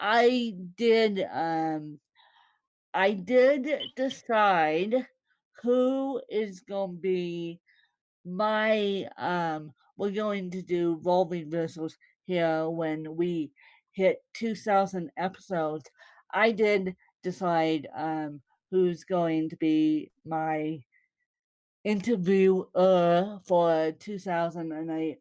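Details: Woman born with cerebral palsy, speaking; possible dysarthria, though no speech disorder is named.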